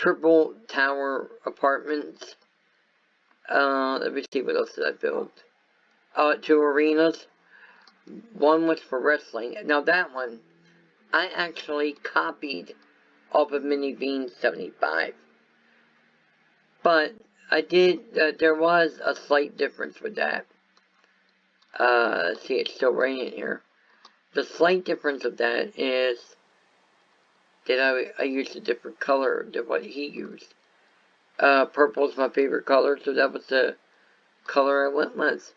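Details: Adult male whose viral meningitis with very high fever at about six weeks old affected walking, talking, eyesight and hearing; lifelong speech impairment after infant viral meningitis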